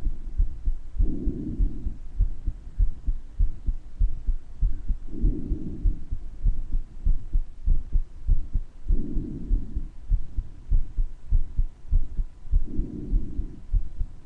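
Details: Self-recorded heart murmur with breath sounds: steady heartbeat near 98 a minute, soft whooshing murmur, slow breath sounds about every four seconds, clearer in some areas than others.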